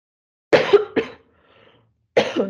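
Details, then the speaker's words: Adult woman coughs during a recorded talk, then says she has a terrible cough; cough. "excuse me i have a terrible cough"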